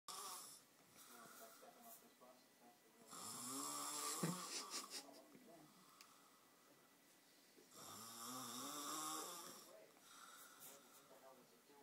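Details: Child (boy) snoring continuously for two hours: two loud, rough, vibrating snores on inhalation about five seconds apart, with quieter breathing between; heavy snoring.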